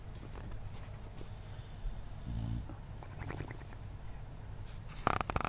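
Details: Sleeping boxer dog snoring: low, rumbling breaths with a fluttering rattle in the nose and throat, then a louder snort.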